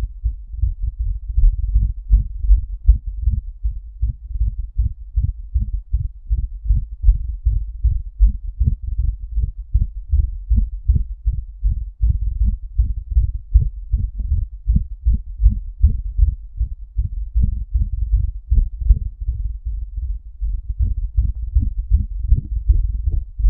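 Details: Rapid, regular low heart thumps around 150 a minute, recorded from the person's own chest right after a hot shower that made it throb; normal but fast heartbeat.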